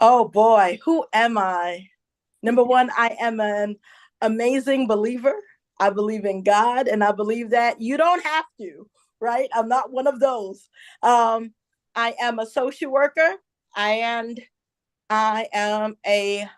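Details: Adult woman who identifies herself as a stutterer and says listeners will hear her stumble on some words; real, self-reported stuttering.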